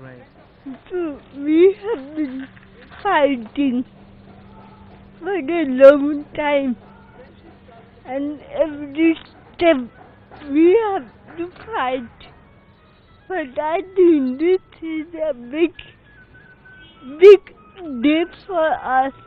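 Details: Adult passenger with cerebral palsy speaking about a disability-rights legal victory; dysarthria due to cerebral palsy.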